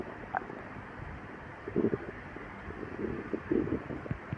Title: Girl stomach growling for 3 days and her boyfriend put his head on her empty stomach